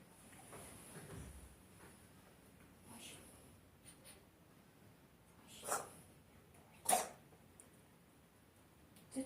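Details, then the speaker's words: Cat coughing: two short, sharp cough bursts against quiet room noise and faint breathing sounds. "Видишь, какой симулянт. Кашляет у него."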